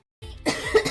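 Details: Girl with a lingering cough: a single short, sharp cough burst.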